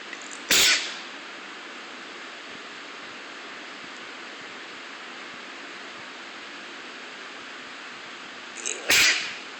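Two sharp, explosive bursts about eight seconds apart over steady background hiss, consistent with sneezes.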